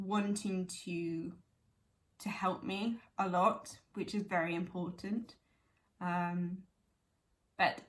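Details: Young woman with chronic aphasia from a stroke at age 18, now 11 years post-stroke, speaking conversationally; aphasia.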